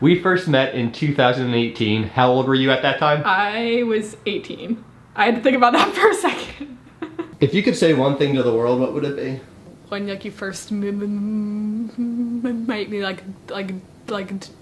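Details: Woman, 25, with a severe stutter, first recorded at 18; stuttering.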